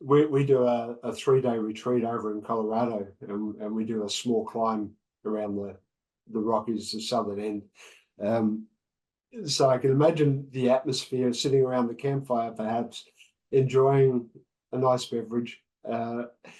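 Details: Adult man speaking; Normal speech.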